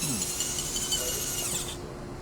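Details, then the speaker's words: High-speed dental handpiece cutting a Class II mesial slot preparation on tooth number 30, shaping the axial wall with a slight curving motion; high-pitched whine stopping near the end, faint background music. "and now I'm doing the axial wall making sure my hand is going in a slight curving motion to match the profile of the axial wall"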